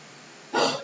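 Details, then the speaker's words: A pet that ate hair, thought stuck in his throat and irritating it, gives one short, harsh burst of air after a quiet stretch; a single cough. "He ate hair, y'all, and I'm pretty sure it's stuck in his throat, and he's coughing now because it's irritating him."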